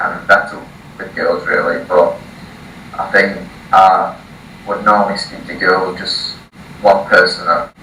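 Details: 18-year-old male from the UK who has stuttered since early childhood, first seeing a speech therapist at age 4, reading a passage aloud before a 3-day speech course; blocks and repetitions; stuttering.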